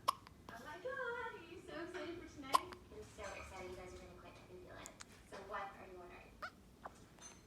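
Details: One-week-old newborn baby with hiccups: several short, sharp hiccup clicks while people talk in the background.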